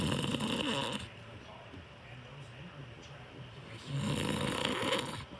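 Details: Snoring from the recorder's sleeping father: loud, harsh rattling snores on breathing in, separated by a quieter gap; ordinary snoring.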